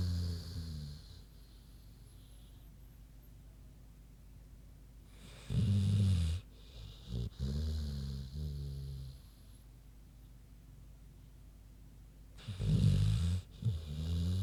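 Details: Deep, grunting snores in bursts with quiet gaps, from a big pig sleeping; ordinary snoring.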